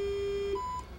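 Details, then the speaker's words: Omnisense 8000S ultrasound bone sonometer: steady tone, then a short higher beep signalling the end of measurement cycle two (checkered flag shown). "we see the checkered Flags again we have done cycle two"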